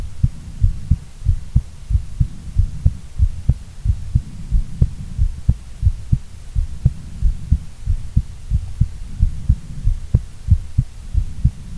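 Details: Female heartbeat, normal heart sounds: steady paired low lub-dub thumps at about 92 beats a minute with a faint hum underneath; a regular rhythm.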